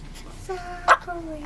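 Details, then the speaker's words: Infant with hiccups who seems to find them funny, smiling and laughing: a single sharp, sudden hiccup catch interrupting soft baby vocal sounds. "are you laughing at the hiccups wait until you're about four or five it'll get annoying"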